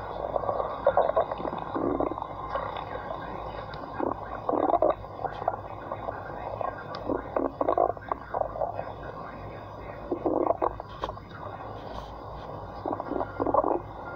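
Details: Stomach growling (borborygmi): repeated low growling and gurgling rumbles in bursts over a steady background hum.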